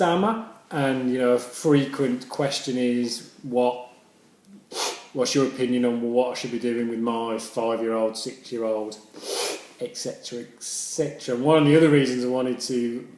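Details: Adult male speaker; stammering.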